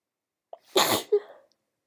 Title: sleepy cold sneezes x15 🌼 (F)